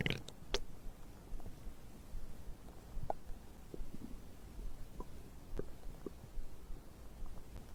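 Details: Low rumbling with scattered gurgles and small pops, about 70 a minute; ordinary digestive bowel sounds (stomach growling) recorded after drinking a beverage.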